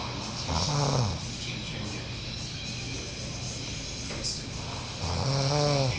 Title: Uncle snoring